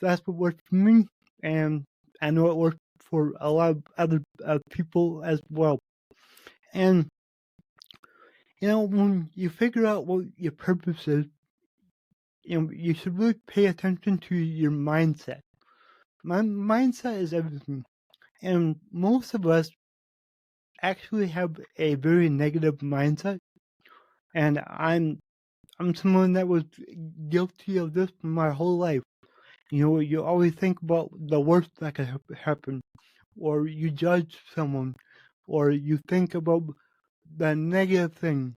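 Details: Adult male podcast host with cerebral palsy, which he says affects every muscle in his body; he says his speech is much better than 8 months ago and improving with better health. Dysarthria associated with cerebral palsy.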